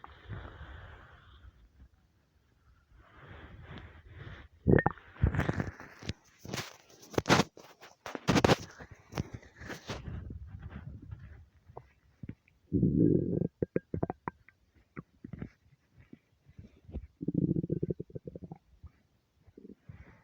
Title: starving stomach rumbles